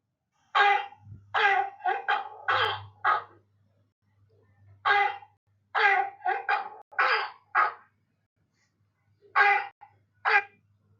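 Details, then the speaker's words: Harsh, hoarse, seal-like barking coughs in clusters, illustrating croup, a parainfluenza upper-airway illness of children 6 months to 3 years, with hoarseness, stridor, runny nose, fever, worse at night. "Signs and symptoms are a barking cough, hoarseness, stridor, runny nose and fever and the symptoms do worsen at night time."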